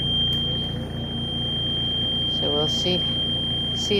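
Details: Steady high-pitched tone over a low pulsing mechanical hum with faint clicks: an oxygen concentrator used for lampworking, which had been cutting out, running after its internal filter, installed four years earlier, was replaced.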